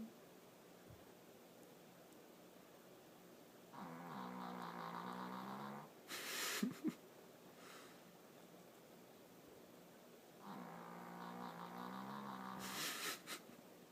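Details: Dog snoring with an unusual sound: slow, rumbling, buzzing breaths roughly every six to seven seconds, each ending in a snuffling exhale, in a quiet room.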